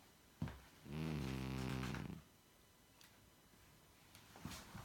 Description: This is our 16yr old cat lying on the sofa snoring, it's a cats life